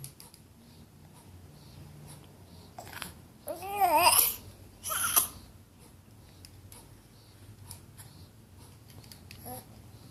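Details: Young child gives a brief voiced whine, then a single short cough in a quiet room; cough.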